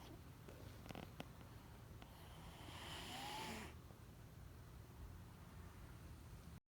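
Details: Sleeping male pet that always snores noisily: a single soft, rasping snoring breath with a faint whistle, against quiet low room hum.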